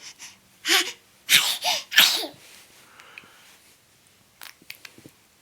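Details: Several small, sharp infant sneezes in quick succession, then soft breathing; ordinary baby sneezing.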